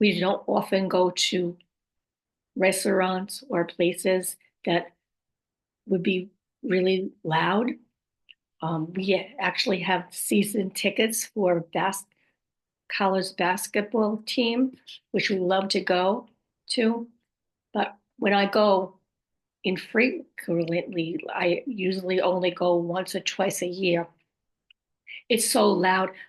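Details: Adult woman about 5.5 years after a stroke, with aphasia, apraxia of speech and dysarthria; post-stroke aphasia with apraxia of speech and dysarthria.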